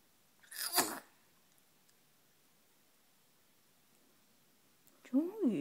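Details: Single sharp, hissing sneeze from a cat, then quiet, then a short meow-like call.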